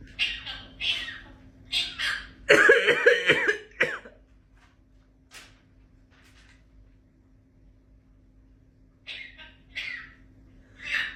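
A parrot mimics coughing: short hacking bursts, one louder harsh cough-like run, then quieter clicks.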